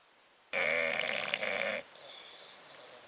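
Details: Snoring from Bobby, a bulldog: one loud, rough, rattling breath lasting about a second, then quiet; owner tells him to stop snoring.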